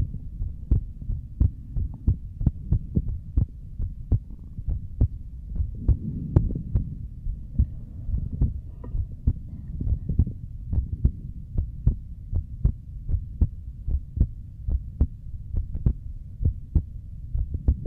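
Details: Streamer's own heartbeat picked up by a microphone during a relaxing ASMR session, said to be beating hard with paired strong beats: steady regular low thumps about 75 a minute over a faint hum; normal heartbeat.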